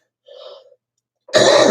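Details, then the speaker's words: Cough from postnasal drip in a smoker, with smoking aggravating it, clogged sinuses and hoarseness: a soft throat-clear followed by a loud, harsh cough burst. "No, it's actually it's not the smoking. It's postnasal drip. Smoking aggravates it, but the cause of the cough starts up here."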